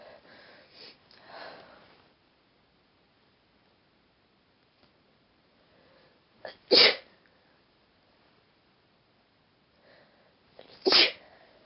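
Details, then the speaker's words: Deliberately induced sneezes: soft breaths and sniffs lead into two forceful adult sneezes, each a brief explosive burst with a short catch of breath before it. "Hello, I'm gonna induce some sneezes."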